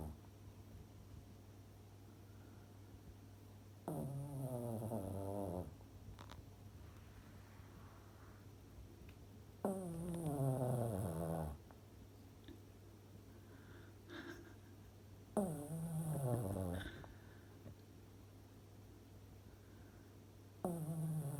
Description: The late Dusty, doing what she did best. Sleeping and snoring.